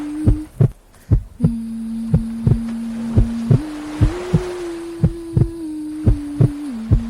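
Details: A heartbeat sleep aid for a baby girl: steady paired lub-dub thumps at about 60 beats a minute under soft sustained tones and a gentle hiss, with white noise and wave sounds.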